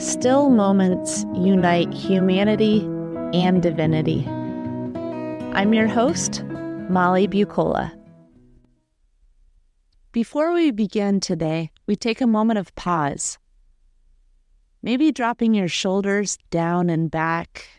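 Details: Adult woman speaking; normal speech.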